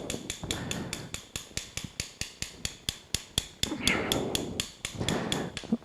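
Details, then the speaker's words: Arthroscopic right knee surgery harvesting a bone plug from the knee, 2014; rapid steady metallic surgical mallet taps, about four a second, with room noise and murmured talk. "We think we've measured about an 8 mm plug of bone. We're going to try to take that from your knee. You'll hear us tapping."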